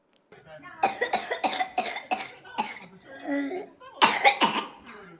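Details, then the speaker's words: A child's whooping cough (pertussis) paroxysm: a rapid run of about five coughs in a row, then a high, drawn-in whooping breath. Antibiotic treatment is mentioned for this whooping cough. "öyle 5 kez üst üste öksürüp yine nefes alıyor Bu tedavisini hocam bunun boğmacanın tedavisi de antibiyotik kullanılır"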